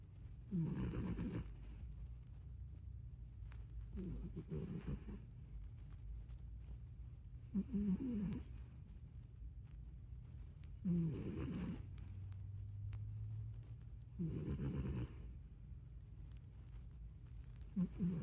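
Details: Small dog snoring at home: soft, rhythmic snuffling snores at about 18 breaths a minute over a low room hum.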